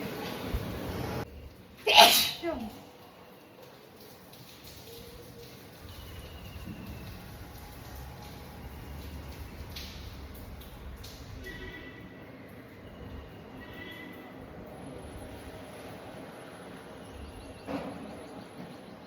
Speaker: मेरा बिंदी खुल गया, छींकने से। देखिए बिंदी जो पहनी थी वो खुल गया।